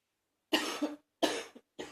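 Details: Adult's recurring productive morning cough, lasting about 45 minutes each morning: two full, loud, harsh coughs and the start of a third.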